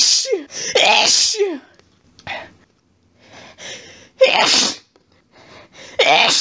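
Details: Sneezing fit in bed, set off by a cat lying under the chin after a sneezy day: rapid forceful wet sneezes in quick sets with gasping in-breaths, recorded on a cell phone.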